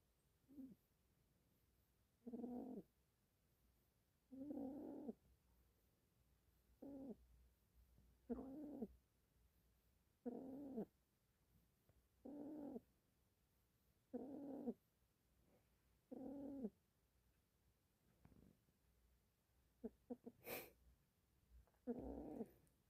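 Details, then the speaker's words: A sleeping pet dog snores in short, buzzy, regular bursts roughly every two seconds. "젤리 코골면 [음악] 사자네음 고고네 고구라 네 고고네"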